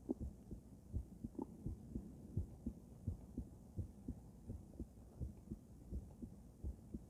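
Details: Female heart auscultated with different stethoscopes at Erb's point, then mitral, tricuspid, aortic and pulmonic sites: regular soft lub-dub heartbeats at about 85 per minute; normal heart sounds.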